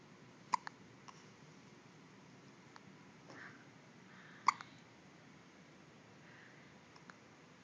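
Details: Two sharp, abrupt hiccups about four seconds apart, with a few faint clicks between, in a quiet room; hiccups.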